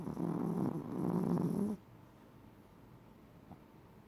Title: Snoring loud chihuahua